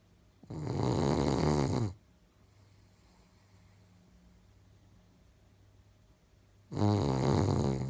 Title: Dog Snoring Loudly